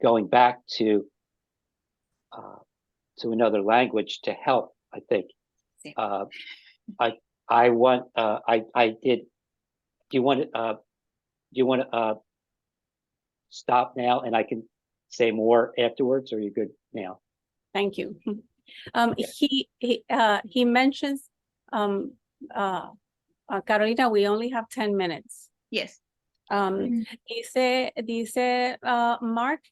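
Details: Adult man with aphasia after an ischemic stroke five years earlier, speaking haltingly with frequent pauses and fillers; aphasia after stroke.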